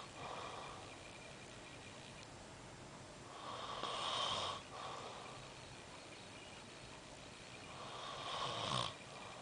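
Two louder noisy, rasping breath sounds over steady background hiss, fitting snorting snores during sleep.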